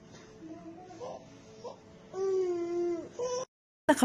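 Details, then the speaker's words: Infant with faint coughs, then a long, high-pitched crowing whoop on breathing in; pertussis (whooping cough), a highly contagious Bordetella infection. "Ang tawag ng ubo niyan ay pertosis. Ang pertosis or tinatawag nating woofing calf ay lubhang nakakahawang impeksyon sa hatid ng bakterya na bordeteriaosis."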